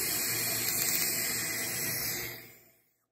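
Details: Er:YAG laser (LiteTouch) removing caries from a child's deciduous teeth without anesthesia: a steady hissing water spray with faint crackling pops, then fading; dental laser with water spray.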